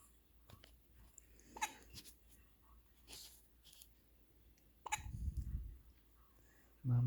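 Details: Four-day-old baby girl in the morning: soft, brief catches of breath at intervals in a quiet room, ending with a louder sound; infant hiccups.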